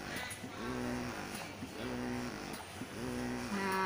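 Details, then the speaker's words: Medela Swing Maxi double electric breast pump switched by the let-down button from stimulation to expression phase, both sides running: steady rhythmic motor hum with low pulses about one second each. "Di sini sudah karena dia double pumping, jadi dia dua-duanya kerja. Di sini mesinnya bekerja. Di sini juga mesinnya bekerja."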